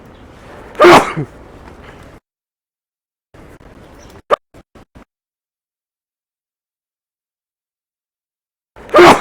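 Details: Person sneezing while recording a walking video: a sharp, forceful sneeze burst, a gap with brief clicks, then another sneeze onset; ordinary sneezing.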